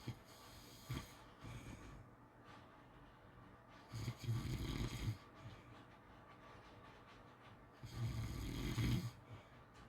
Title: Snoring sleeping sounds